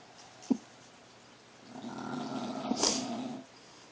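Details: A sleeping dog snoring: a sharp snort, then a long, rattling breath.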